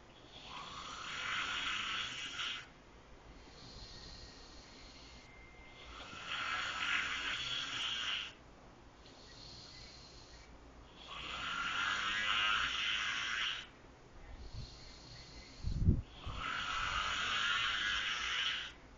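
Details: Very loud, harsh, rattling snores in long noisy bursts, about four in 19 seconds, with quieter breathing between; heavy snoring loud enough to wake the recorder.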